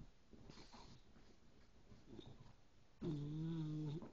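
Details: A sleeping dog gives a single loud, rumbling snore after a stretch of quiet breathing: snoring.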